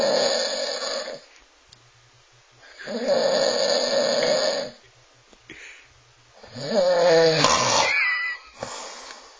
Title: the snoring monster!!!